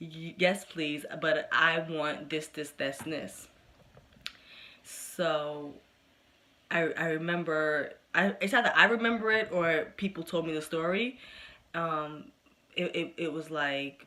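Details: Adult woman who has stuttered since early childhood, persisting today with good and bad days; stuttering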